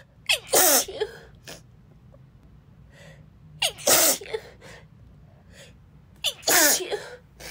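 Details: Sick woman sneezing repeatedly, unable to take a full breath in between: three sneezes, each with a sharp preceding gasp and a loud explosive burst, about three seconds apart.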